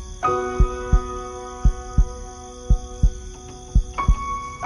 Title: Piano Sleep Music, Sleep Meditation, Relaxing Music, Meditation Music, Spa, Study, Heartbeat sound